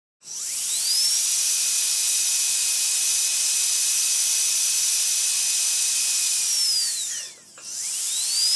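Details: Sound-effect recording of a dental drill: a high-pitched whine rising as it spins up, holding steady, briefly slowing and stopping, then spinning up again.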